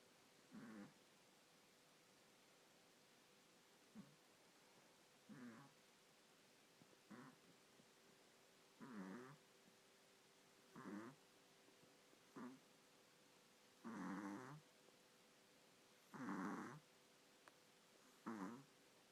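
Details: Sleeping puppy: soft, irregular rasping snores, about 29 a minute, over a faint steady hum, while another pup sleeps quietly; snoring.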